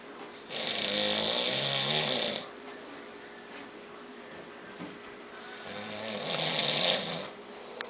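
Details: A father snoring: two long, rough, rattling breaths about five seconds apart, with quiet room noise between them.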